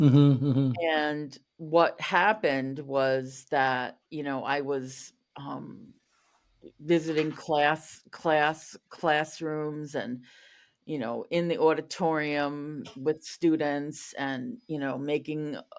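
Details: Stuttering in an adult woman who was a covert stutterer for over 35 years, with word and part-word repetitions.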